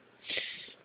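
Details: Female cat, Mistress, coughing while lying on a bed; a single short, airy, hissing expiratory burst. She coughs periodically; the owner is unsure of the cause and wonders if it is a hairball. Bladder seems okay.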